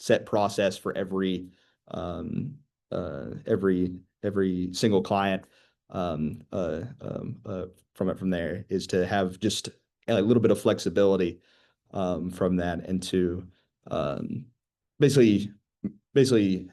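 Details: 25-year-old man who began stuttering at age 13, real person who stutters; stuttering.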